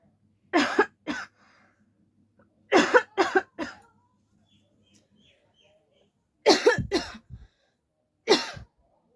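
About nine deliberate, acted coughs in short clusters of one to three, separated by quiet pauses over a faint low hum; voluntary coughing.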